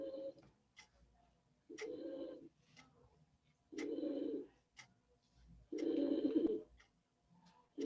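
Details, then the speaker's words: Harsh, high-pitched crowing inspiratory laryngeal stridor about every two seconds, a frequent symptom of multiple system atrophy rather than Parkinson's disease. "Otro síntoma muy frecuente es este estridor laringio que sucede principalmente durante la noche. Pero que también se puede presentar en horas del día y lo podemos escuchar durante una consulta, perdón, durante la consulta."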